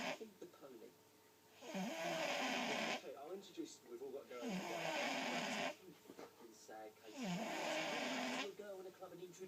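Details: Loud, rough snores on each in-breath, about 22 breaths a minute, with quieter exhalations between; ordinary snoring.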